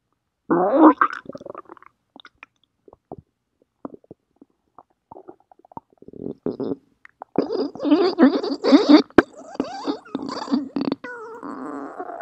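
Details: Stomach growling (borborygmi): irregular gurgling and squeaky rumbles from the belly as gas and fluid move through the gut.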